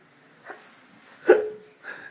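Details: 2-year-old child with hiccups while awake and being prompted to speak: three short, abrupt voiced gulps about a second apart in a quiet room.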